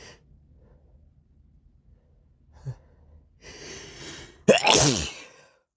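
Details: Morning sneeze with a snotty nose: a sharp indrawn breath builds to a loud, explosive sneeze, with a short nasal sniff earlier.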